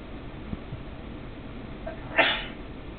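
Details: A single short, sharp sneeze from a cat over steady room noise; sneezing.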